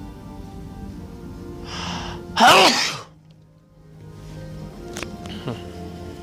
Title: One big buildup and sneeze (M)